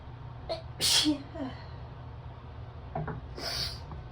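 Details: Person after a shower, chilly while getting dressed, gives a sharp loud sneeze then a smaller one seconds later in a quiet room; sneezing.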